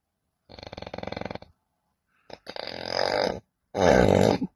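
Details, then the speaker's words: Adult patient with strong snoring, choking at night and obstructive sleep apnoea, before surgery, linked to nasal obstruction, large tonsils and lax soft palate: three loud, rattling, fluttering snores separated by silent gaps. "Вы видите, как спокойно пациент спит на спине, обратите внимание. Казалось бы, это сон нормального человека, что же в этом особенного? А теперь посмотрите, как было до операции."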